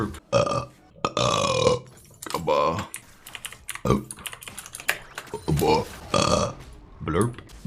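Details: Streamer burping compilation: several long, loud, rumbling burps, with keyboard typing and talking between them; repeated belching.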